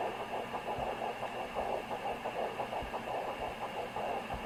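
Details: Fetal Doppler in early pregnancy, 8+ weeks: fast, rhythmic whooshing pulses over a hissy background; fetal heartbeat.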